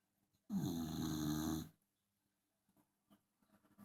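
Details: Dachshund snoring loudly: one long, loud, buzzing snore lasting over a second, followed by faint rustling and soft breath sounds.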